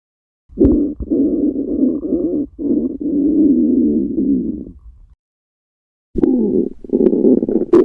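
Long, low, bubbling growls in two stretches: normal stomach and gut rumbling around feeding time.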